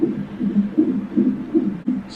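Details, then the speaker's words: Fetal heart monitor during labour: fast, regular whooshing pulses around 140 a minute as the mother has contractions; she is dilating, with suspected blood-pressure/placenta issues, later diagnosed preeclampsia and likely induction. "I think this is what monitors the baby's heart beat us in contraction oh you're about that one yeah I feel it their way closer now"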